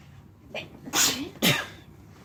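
Two sharp sneezes in quick succession, each a brief breathy burst; ordinary sneezing.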